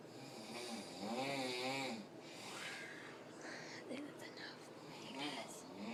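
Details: Heavy snoring in a sleeping adult man that woke others: loud, rough, fluttering, rattling snoring on the in-breath, followed by quieter breathing.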